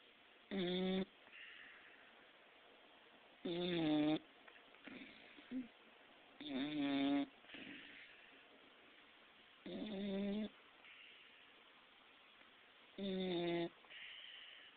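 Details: 6-month-old pit bull with special needs (described as handicapped), sleeping: regular, voiced, moaning snores about 19 a minute with soft breaths between; snoring.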